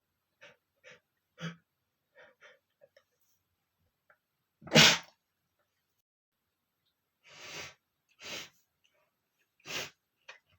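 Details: Male with a runny nose sneezing: several sharp explosive sneezes with small sniffs and catch breaths between them in a quiet room.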